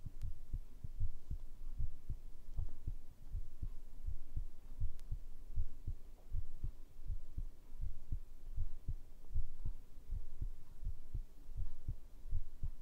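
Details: ASMR heartbeat sound recording, possibly with a binaural microphone: soft, regular low thumps at about 80 beats per minute over a faint hum; a normal, steady heartbeat.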